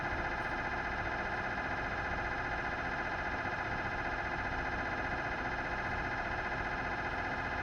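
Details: Philips 1.5T MRI scanner recorded inside the scan room during a scan. Loud, steady buzzing drone with rapid repeating gradient pulses, about 220 a minute.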